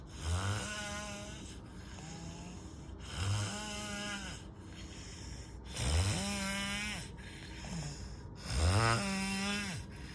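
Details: Heavy snoring: loud, rough snores about every two to three seconds, around 22 a minute, each rising then fading, with a faint hiss between.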